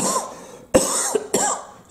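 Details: Dry cough from an adult with a deviated septum: two or three short, hoarse coughs with sharp onsets and no mucus rattle, non-productive.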